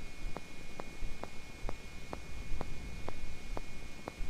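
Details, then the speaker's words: Needle EMG of resting denervated muscle: regular faint clicks about twice a second over hiss, spontaneous fibrillation potentials, possibly positive sharp waves; abnormal, as resting muscle should be silent. "that spontaneously polarization of the muscle membrane in the background we're getting uh fibrinations and that's just the Innovation and this could be that's our positive sharp waves this is not normal the muscle should have completely quiet rest membrane"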